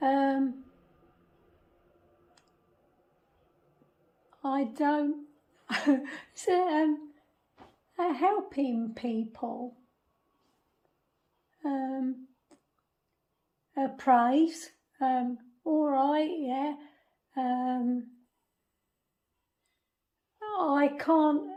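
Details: Non-fluent aphasia in a woman after a stroke in 2005 at age 46 that damaged the language part of her brain; she forms words in her head but finds them hard to get out.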